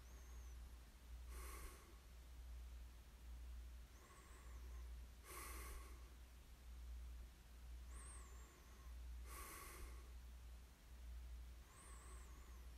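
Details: Snoring during sleep: regular snoring breaths, about 14 cycles a minute, each with a rough snort, over a steady low hum.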